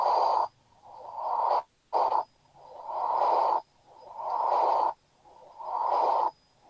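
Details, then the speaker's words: Simulated heart murmur: low-frequency, repeated whooshing bursts as obstruction turns laminar flow turbulent. "Estos son ruidos de muy baja frecuencia y son los soplos y fíjense ocurre una obstrucción al flujo el flujo que es laminar se torna turbulento y genera el ruido"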